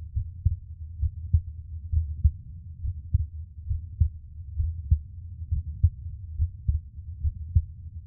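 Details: Adult man's own resting heartbeat recorded for ASMR relaxation: soft, regular low thumps at about 67 beats a minute over a low hum; normal resting heartbeat.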